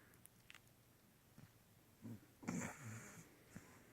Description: Dog snoring in bed while sleeping